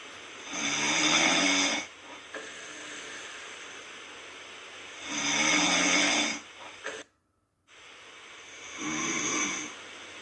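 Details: Self-recorded snoring of an adult asleep. Loud, hissing, rattling snores on each breath in, about every four seconds, with quieter breathing between.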